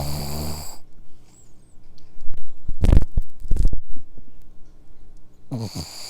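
Loud low rumbling breaths with snorting bursts close to the microphone, typical of a dog snoring.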